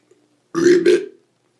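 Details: Deliberate burping by a man during a commercial acting audition: a long, loud, voiced belch in two low, rumbling surges in a quiet room.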